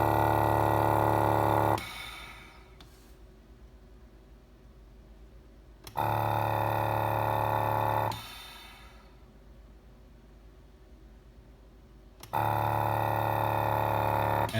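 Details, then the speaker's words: Homemade low-cost ventilator prototype in auto-ventilate mode inflating a balloon as an artificial test lung: steady loud motor hum for about four seconds, then quiet pauses, cycling regularly at roughly 7 breaths per minute; mechanical ventilator running. "I'm basically basically going to start this up I'm gonna go to Auto ventilate and it's gonna start inflating my artificial lung hair this balloon"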